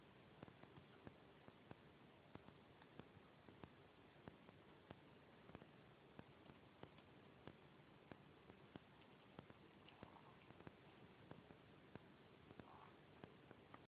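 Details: Corgi puppy with hiccups: faint, regular soft clicks at about 90 to 95 per minute.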